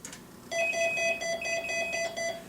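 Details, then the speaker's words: Repeated steady electronic alarm tones: an Abbott Plum infusion IV pump alarm repeated by an Ascom Telligence C600 nurse call system, which lights the corridor dome light and alerts the nurse's master station. "now when the infusion pumps generates an alarm the nurse call system will repeat the alarm will light a dome light out in the corridor and it will sound at the nurse's master station with a room number and the fact that it's an IV pump alarm"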